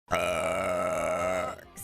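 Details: A single long, steady, voiced belch lasting about a second and a half, an ordinary burp from a burp compilation.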